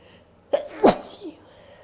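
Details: Female: short indrawn breath, then a single sharp explosive sneeze with a faint trailing sound in a quiet room.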